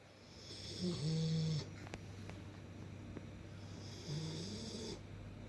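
A sleeping dog gives loud, low, rumbling snores on each breath in, two in about five seconds, over a steady low room hum.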